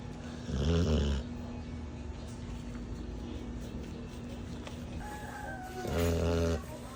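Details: Two loud, rattling inhaled snores about five seconds apart from a sleeping bully-type dog, over a steady background hum; ordinary snoring.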